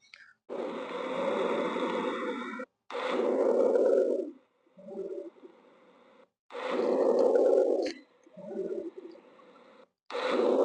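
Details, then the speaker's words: Normal vesicular breath sounds on stethoscope auscultation: soft, low-pitched rustling, a longer louder inspiration, a brief pause, then a shorter fainter expiration. "जो अपने sound सुनी है ये normal एक vesicular sound है तो इसमें जो स्टार्टिंग का पोर्शन आपने सुना होगा उसकी इंटेंसिटी थोड़ी कंपेरटिवली ज्यादा थी"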